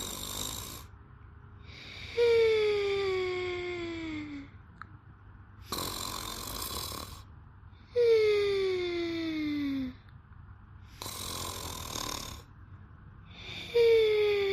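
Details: A sleeping woman snores at about 10 breaths a minute, with a whistling, falling-pitch snore on each breath in and a hissing breath out.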